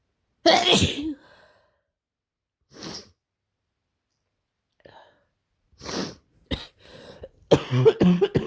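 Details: Adult with a bad head cold (scratchy throat, headache, congested): several forceful, harsh sneezes with sharp bursts and brief gaps; sneezing.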